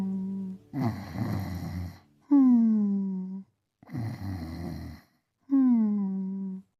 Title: A New Generation (1988): Beethoven Sleeping & Snoring to "Rock-a-Bye Baby" (UK Dub version)